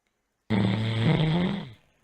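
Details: A person who has fallen asleep gives a single loud, deep, rattling snore lasting just over a second: snoring.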